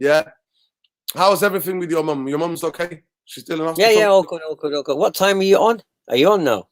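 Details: Adult male speaker in casual conversation; normal voice.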